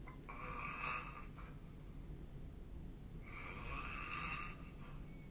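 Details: Sleeping adult recorded with a snore-tracking app: two soft, rasping breaths over steady room hiss; mild snoring.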